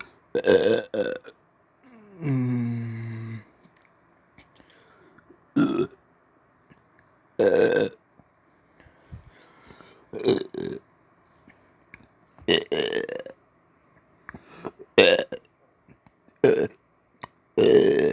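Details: On-command voluntary burping after brushing teeth: about eight short voiced belches at irregular intervals, including one long rumbling belch.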